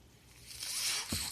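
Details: Podcast host's own mechanical ventilator in the background as he speaks: a soft airy hiss builds and peaks, then ends with a brief low thump, the breath cycle; mechanical ventilator.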